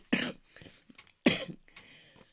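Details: Cough from a woman who says she has been very wheezy for several days: two short harsh coughs with some throat clearing between, in a quiet room.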